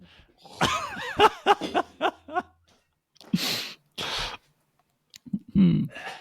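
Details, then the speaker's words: Man retching into a sink after taking a big, thick spoonful of Vegemite (or Marmite) in a taste test: strained, throaty heaving with forced exhalations, gasps and coughing. "Looks like for audio listeners, he is just retched into the sink. No. I cannot tell if he likes it or not. He is retching. He is coughing."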